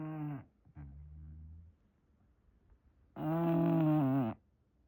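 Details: English bulldog snoring in a blanket: loud, rough, rumbling snores with a low snort between breaths, in a quiet room.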